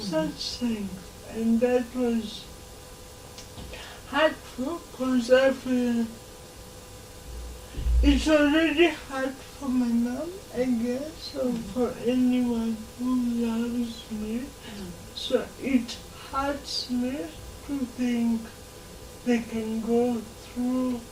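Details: 26-year-old woman with lifelong cerebral palsy who began talking much later than other children; dysarthria in cerebral palsy.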